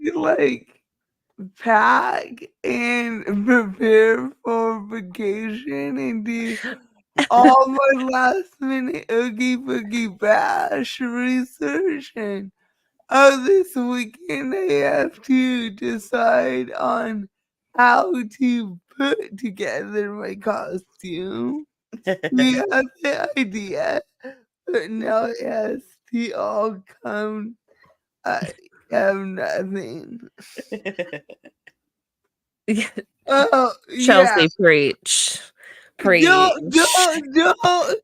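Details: Dysarthria in a woman with cerebral palsy; she says the cerebral palsy is why she talks this way and that nothing can be done about it.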